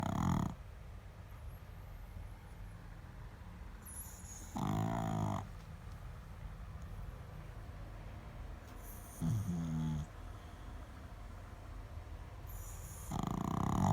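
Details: A pug snoring like a human while asleep: loud, rough snores recur about every four seconds, separated by quiet stretches of breathing; snoring.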